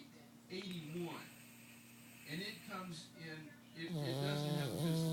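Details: Pug (female) snoring while sleeping deeply: loud snorting, rattling snores with whistly, nasal tones, irregular in strength and pitch.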